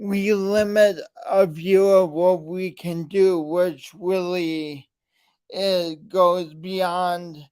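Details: Man with a speech impediment present since birth, along with lifelong coordination issues; speech impediment.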